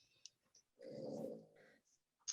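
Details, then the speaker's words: A single soft, rumbling, fluttery snore from the presenter's sleeping dog, faint in a quiet room behind an online presentation; ordinary dog snoring. "yes you can hear that that's my dog's snoring very very cute very soothing"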